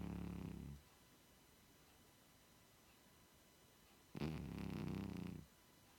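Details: 16-year-old cat lying asleep on a sofa gives two low, rumbling snores separated by a few seconds of quiet room noise; ordinary snoring.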